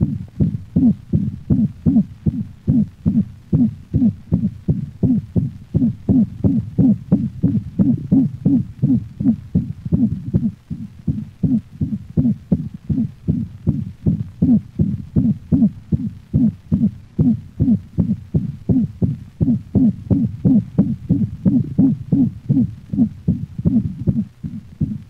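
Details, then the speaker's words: Dog with atrioventricular valve insufficiency: rapid, regular heartbeat with a high-frequency, musical systolic whoop filling each systole, a musical holosystolic murmur. "notice the high frequency and musical quality of the systolic hoop"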